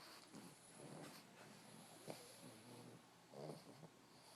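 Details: Several sleeping pugs in a pile: low rattling snores and snorts with sniffling and faint whistling on some breaths.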